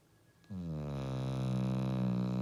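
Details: Female dog asleep and snoring: a steady, low, rumbling buzz that starts suddenly and holds, like a long snoring breath.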